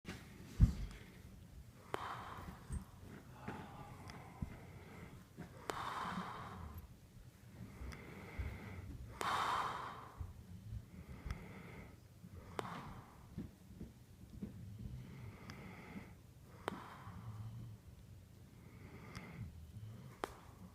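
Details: Sleeping man snoring persistently: quiet, regular snorting breaths about every three to four seconds, with low rattling on the in-breath in a quiet room.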